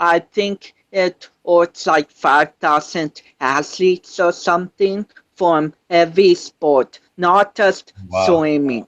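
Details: 25-year-old man with cerebral palsy since birth, which he says affects his balance, coordination and speech; doctors said he would never walk, and he is now a powerlifter; dysarthric speech (cerebral palsy).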